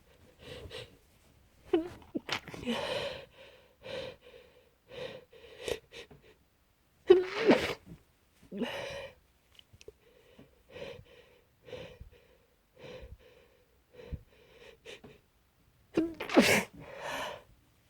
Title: Stifled and muffled sneezes